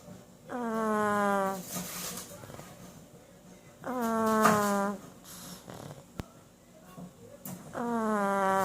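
Loud, rattling, buzzing snores on each breath in, three in the clip, with quieter breathing between them; a small dog snoring.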